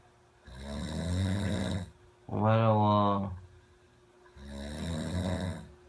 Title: 코골이 친구(꿀잼 실화) - 끝까지 들어야 완전 재미있음